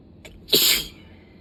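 A quick inhaled catch followed by one loud, sharp, hissing sneeze, part of a sneezing fit.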